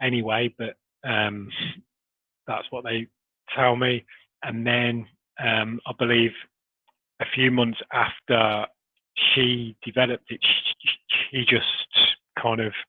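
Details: Adult man who has stammered since early childhood, with major blocks through school; he still has blocks and repetitions despite Starfish Project technique; stuttering.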